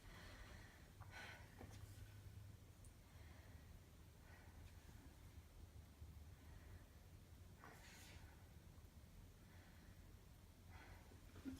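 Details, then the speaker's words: Adult woman lying on a couch during a chest and lung assessment, taking deep breaths: soft, clear airflow over the chest with no crackles or wheeze, normal breath sounds. "All right. And again, all that sounds good. So she's got some good lungs, and that's the end of the assessment."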